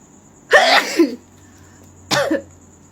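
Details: Two forceful induced sneezes about one and a half seconds apart in a quiet room, from a sneezing-fit compilation framed as sinus (resdung) treatment.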